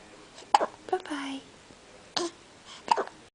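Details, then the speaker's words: 3-week-old baby girl, weighing 8 lb 12 oz and awake, with recurrent hiccups: four sharp, brief catches of breath at irregular spacing with a short vocal sound between them. "we have the hiccups again look at us and our cute little pink socks"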